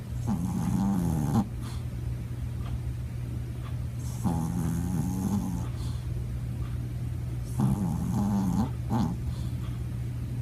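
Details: Dog named Bear snoring while sleeping.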